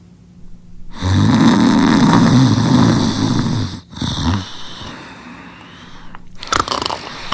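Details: Bully dog sleeping and drooling, long loud rattling snore on inspiration followed by softer expiration; snoring.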